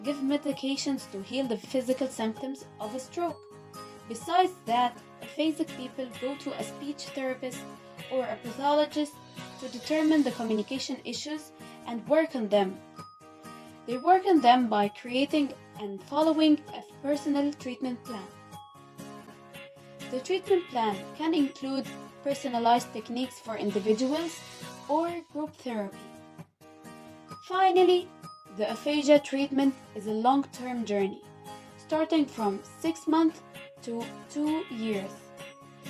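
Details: Adult narrator, background music; normal speech.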